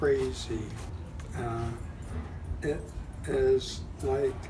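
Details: Adult speaker; aphasia.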